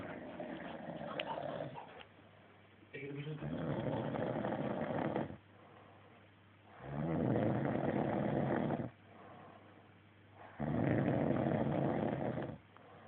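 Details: Person snoring, reportedly after being stoned, drunk and eating too much blue cheese: four long, loud rumbling snores about every three to four seconds, with quieter breathing between them.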